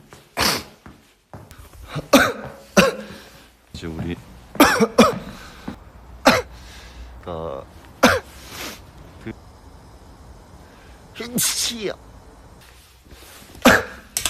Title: SF9 cough and sneeze(1)